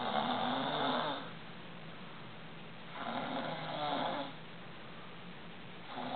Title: Snoring